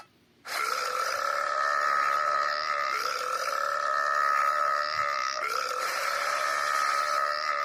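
A single very long, drawn-out voiced burp that holds a steady tone for about seven seconds.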